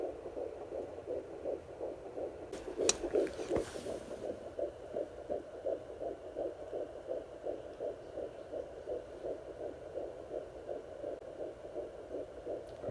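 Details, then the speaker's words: Rapid, regular whooshing fetal heartbeat, about 170 beats a minute, heard at home on a pocket fetal Doppler with gel on the lower abdomen at 8 weeks pregnant, a faster beat underlying the mother's pulse. "so my husband and I were doing it just the one time and you can hear like an underlying faster beat and I was and we were both kind of like oh my god that's it"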